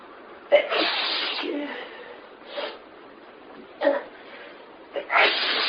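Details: Sneezing fit: four sneezes in close succession, each a sharp noisy burst with a short intake of breath before it.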